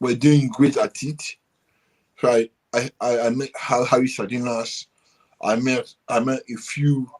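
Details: Adult man with dysarthria from cerebral palsy present since birth, which he attributes to high bilirubin at birth; he describes it as affecting the brain area controlling movement and speech.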